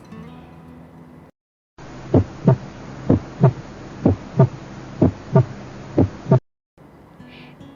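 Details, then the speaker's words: Normal heart sounds: steady lub-dub near 62 a minute, second sound higher, sharper and shorter than first, no extra sounds. "besides it does not occur simultaneously with the apex beat and it can be heard best at the bottom of the heart here is the audio about normal heart sound for your reference"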